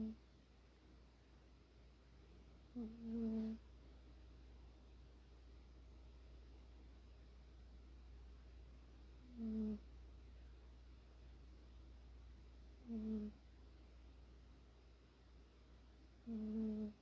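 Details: Sleeping female cat, rarely heard snoring: soft, low snores recurring every three to four seconds, about 17 a minute, over a steady room hum.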